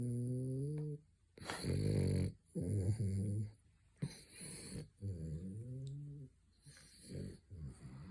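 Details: French bulldog snoring during a midday nap: deep, rumbling snores with a buzzy, partly tonal quality, repeating with each breath in a quiet room.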